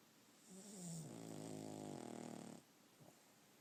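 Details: Puggle dog asleep: one long, loud, rattling, humanlike snore on the in-breath, then a quiet out-breath; snoring.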